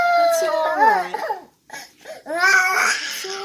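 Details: One-year-old boy woke crying and would not settle for about 5–10 minutes; parent suspects teething or growing pains. Loud, distressed wailing with breaks and sobbing breaths, not settling; inconsolable infant crying.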